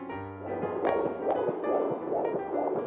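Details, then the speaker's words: Rapid rhythmic whooshing pulses over background music: a baby's heartbeat on an early prenatal ultrasound showing two gestational sacs but one baby, in an animated memoir film. "do you want to hear your baby's heartbeat"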